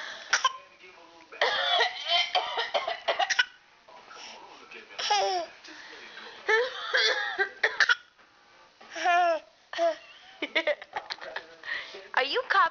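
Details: Infant aged about 9½ months playfully imitating an adult's cough: short voluntary coughs from the adult and the copying baby, mixed with giggles and babbling; not illness.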